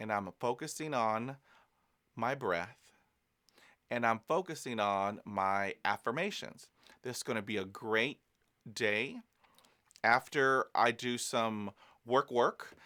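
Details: Adult man who is a person who stutters, speaking about stuttering and self-care; stuttering.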